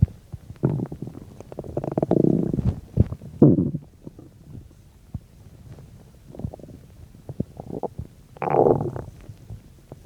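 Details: Irregular low gurgles and rumbles in bursts between quiet gaps: bowel sounds while digesting a bean and cheese burrito, about 10–15 minutes after eating.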